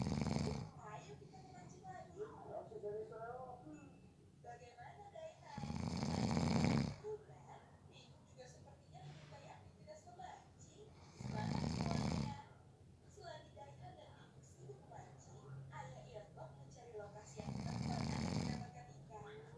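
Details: Person napping who fell asleep within 30 seconds: loud, rough, rattling snores on each breath about every six seconds, with faint talk or TV in the background; snoring.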